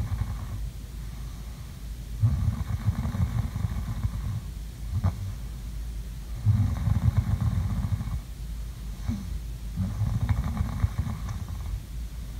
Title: ASMR| COME SLEEP WITH ME| SLEEPING SOUNDS| SNORING